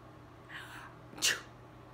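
A soft intake of breath, then one sharp, hissing sneeze.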